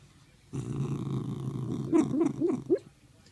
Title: Puppy snores